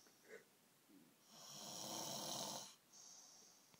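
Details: Adult man (dad) asleep: one long, loud, rattling snore on inhalation with quiet breathing before and after; snoring.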